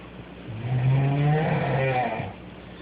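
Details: Girl snoring in the middle of the night: a single drawn-out, low, voiced snore with a bleating, sheep-like quality, rising and fading over about two seconds; ordinary snoring.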